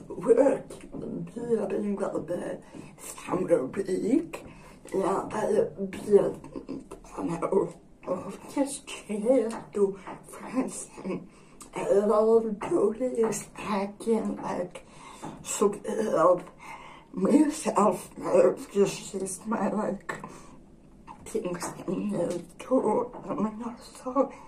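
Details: Dysarthria in an adult woman with generalized dystonia.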